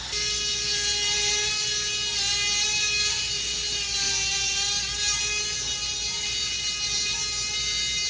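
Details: Surgical power tool, Treace SpeedMTP rotating cutter guided by a pin, resurfacing the great toe joint for fusion in a patient with severe arthritis; continuous high-pitched motor whine with slight pitch dips under load.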